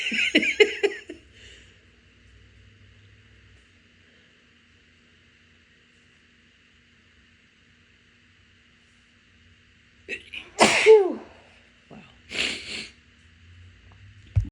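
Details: Morning allergy sneezing after taking the dogs out, with watering eyes: an initial burst of sneezes, a long quiet stretch, then two more sharp, explosive sneezes over quiet room hum.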